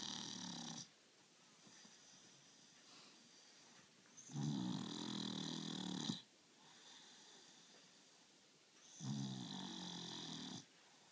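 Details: Staffordshire dog snoring: three slow, rough, rattling snores with quiet pauses between, about 16 breaths a minute.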